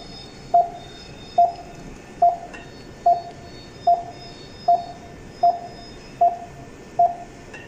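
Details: Dräger Infinity Delta XL patient monitor connected to a simulator (simulated, not a patient): regular short tonal pulse beeps, about 74 a minute, one per detected beat.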